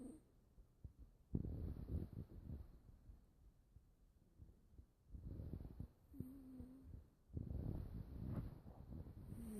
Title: Monster snores